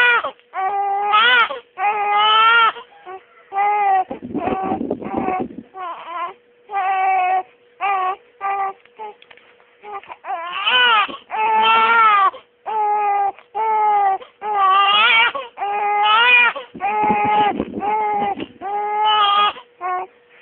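Repeated loud, rhythmic wails of a baby's cry with brief pauses between bursts; ordinary infant crying.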